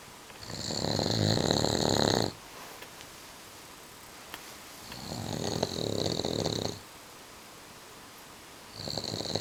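Loud, rattling snores lasting about two seconds each, separated by quiet pauses, with faint room noise between: snoring.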